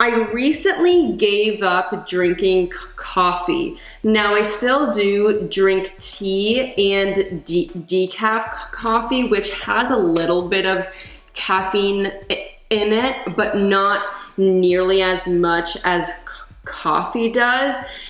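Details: Adult woman who stutters; she reports that caffeine worsens her stutter and anxiety, and she recently gave up coffee; stuttering.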